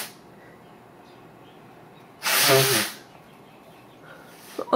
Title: Scary Sneezes 1